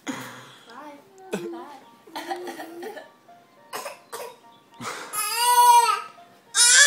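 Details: Boy about a week short of 8 months old fake coughing on command: several short, deliberate cough-like bursts mixed with voiced squeals, a harmless voluntary cough.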